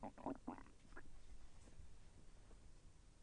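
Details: Self-recorded stomach growling during digestion, with slight pain as the intestine moved: a short run of gurgling, bubbling rumbles fading into low background noise; ordinary bowel sounds (borborygmi).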